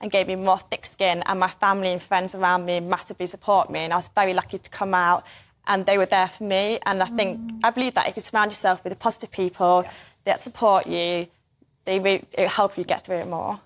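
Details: Young woman born deaf who received a cochlear implant at age 5, speaking with a deaf accent; deaf speech (deaf accent).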